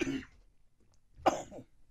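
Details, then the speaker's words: Deliberately acted coughing fit during a prank phone call by a never-smoker whose on-cue cough sounds like heavy smoking: two harsh coughs with a short pause between. "you prank call someone maybe a business someone you know and then about 10 seconds into the conversation you break out into a coughing fits like uncontrollable yeah I know what they are and then it's a game of who hangs up first"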